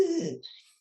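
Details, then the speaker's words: Veterinarian imitating stridor in a cat, the harsh, high-pitched sound caused by windpipe obstruction and heard on breathing in: a brief tight, hooting tone fading into a hiss. "harsh a high-pitched wheezing caused by obstructions in the windpipe um is called strider and it usually is heard when a cat is breathing"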